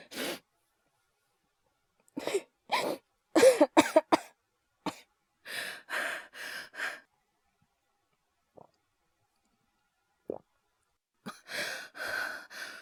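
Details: Performed cough voice by a male voice actor, all acted: about eight dry coughs, some in quick runs, then breathy gasping breaths; simulated coughing from an asthma/hyperventilation cough series.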